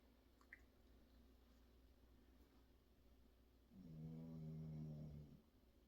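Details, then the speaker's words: Quiet room hum, then a single low, buzzing, tonal snore under two seconds from a sleeping dog: snoring. "If you can hear someone snoring, it's my dog."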